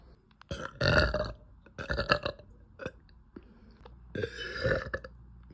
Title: after dinner girl burps (˶◜ᵕ◝˶)